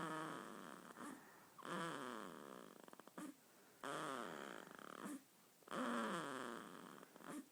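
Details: 2-week-old baby boy snoring during sleep: soft, irregular noisy breaths with a rattly, snore-like quality, roughly 30 a minute.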